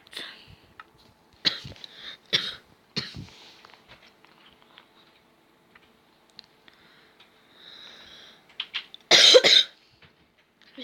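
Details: Several short dry cough bursts and throat clearing in a quiet room, ending in one loud forceful cough; ordinary cough.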